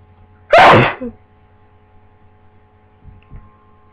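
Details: Someone with a new cold: a single loud, explosive sneeze, then a small follow-up sound and quiet breathing.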